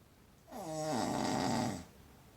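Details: Snoring while held in someone's arms: a single loud, vibrating, rumbling snore lasting just over a second against a quiet background.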